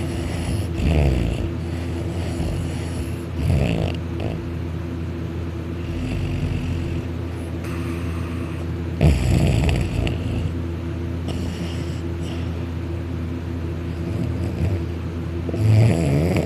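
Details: Male snoring very loudly while napping on a couch, lying on his back with his mouth open, drooling; loud rumbling snores with each breath over a low hum, some higher pitched; heavy snoring, louder when on his back.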